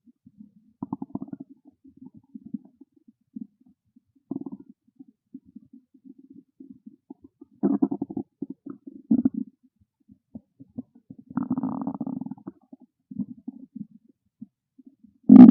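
Quiet background broken by intermittent low gurgles and creaky rumbling bursts, with a loud thump at the end. Ordinary hunger-related stomach growling.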